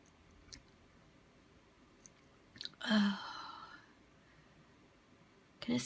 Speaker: I think I'm gonna sneeze again. Gonna sneeze again, I think.